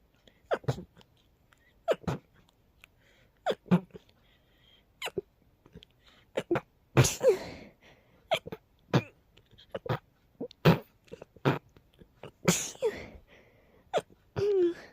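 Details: Person sneezing sleepily: a rapid, uncontrollable run of many short, sharp sneezes about every second, in a quiet room; sneezing.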